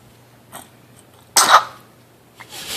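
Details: Infant aged 9 weeks 2 days: a single brief, sharp sneeze with a faint breathy sound before it, in a quiet room.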